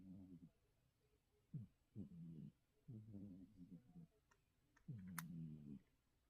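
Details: Mackerel tabby cat asleep, snoring very loudly: low, buzzing snores in a quiet room; snoring.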